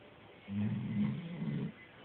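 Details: Small dog Marvin, a snorer since puppyhood for nearly 8 years, asleep: a single low, buzzing snore lasting about a second; long-standing habitual snoring.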